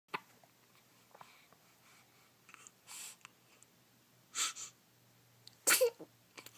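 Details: Several short, sharp sneezes over a few seconds, mixed with small sniffs, in a quiet room; sneezing.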